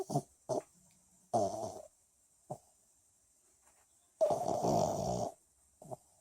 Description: My sweet little snoring pup